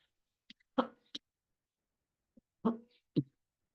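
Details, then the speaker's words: Adult woman with allergies coughs: two pairs of short, sharp cough bursts separated by a brief pause. "pardon me I have allergies I'm going to cough right now pardon me if you can hear it"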